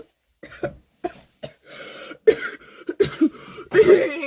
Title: Öksürük hastalığını yalan konuştuğum da ben...🤣😂🏨🏥